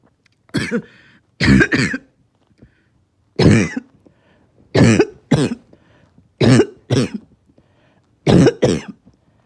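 Repeated harsh, hoarse coughs, mostly in pairs, about a dozen bursts; a barking cough typical of upper airway narrowing such as croup.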